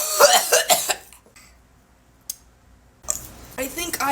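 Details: A quick run of harsh, dry cough bursts after inhaling smoke (tagged vape/420/za), then a pause and a brief throat sound.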